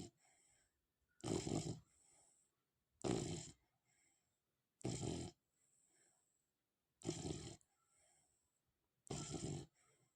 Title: Snoring for first time/ sounds like human